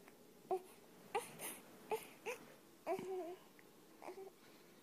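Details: Short, intermittent fussy cries and whimpers from an infant being soothed to sleep by a cat, separated by brief pauses in a quiet room; infant crying.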